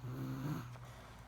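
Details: A single short, low, buzzing breath that fades out; a soft snore.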